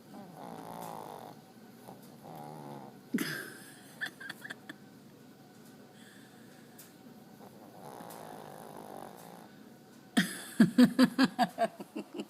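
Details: A dog snoring in sleep: soft, buzzing snores on the in-breaths, then a run of quick snorting, sniffing puffs at the end.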